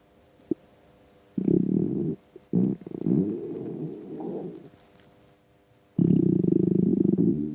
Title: Empty stomach rumbles